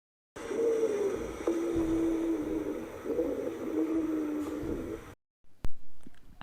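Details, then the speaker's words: Rhonchi: low, snoring-like rumbling tones through two breaths, from air flowing roughly through obstructed large airways. "los ruidos que parecen ronquidos y ocurren cuando el aire queda obstruido el flujo de aire se vuelve áspero a través de las grandes vías respiratorias"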